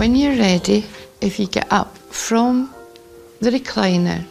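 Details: Adult woman speaking; no speech disorder.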